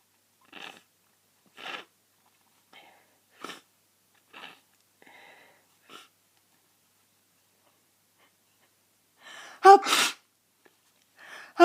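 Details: A run of short, sharp sneezes in a quiet room, ending with one louder, fuller sneeze; a sneezing fit at the tail end of a cold.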